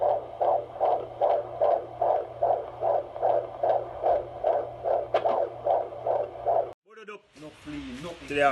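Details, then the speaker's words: Pregnant woman's fetal heartbeat on Doppler at a prenatal doctor's appointment: rapid, regular whooshing pulses at about 150 a minute, heartbeat reported as good, belly measuring good, baby described as very active; brief rustling at the end. "and I heard the baby's heartbeat baby's heartbeat is good"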